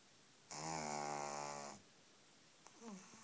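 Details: Pug puppy a few weeks old snoring: one long, loud, buzzing and whistling snore on a breath in, then quiet breathing.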